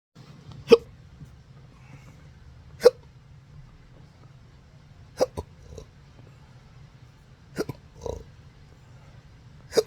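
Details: Persistent hiccups since December 2015 after surgery with nerve damage (pudendal, phrenic, vagus, sympathetic nerves): sharp, sudden throat hiccups at irregular intervals, some in quick pairs, with a soft burp-like sound; intractable hiccups.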